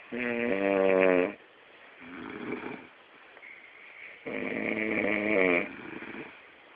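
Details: Father snoring during sleep, recorded so he can hear himself: loud, rough, buzzing snores on breathing in, with quieter breathing between them.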